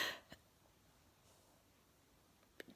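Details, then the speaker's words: Adult with hiccups at bedtime who expected a sneeze: two brief, sharp, quiet hiccups a couple of seconds apart in a quiet room, no sneeze. "there's no sneeze tonight i thought one i thought i was gonna get one but i got the hick"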